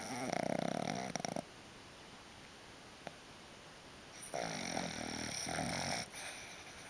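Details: Pet snoring heavily while napping, showing REM sleep: snoring.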